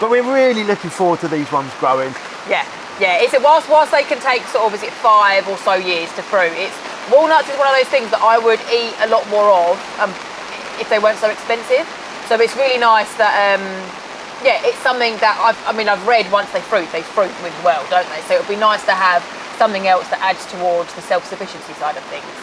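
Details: Adult speaker; ordinary speech.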